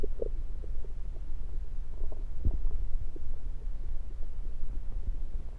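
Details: Bowel sounds through a stethoscope moved around the belly (10/16/23), recorded mainly to show stethoscope placement: low steady rumbling with scattered soft gurgles and pops over a deep hum.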